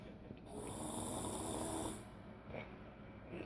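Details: Woman asleep, building up just before a loud blow: one long, rough, rasping breath lasting over a second over faint room noise; loud snoring.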